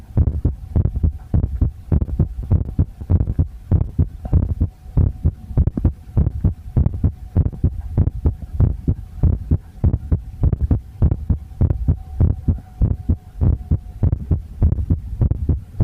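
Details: Visible heartbeat recorded with poor sound quality: steady, rapid low thumping at roughly 100/min with a faint steady hum behind it; heartbeat.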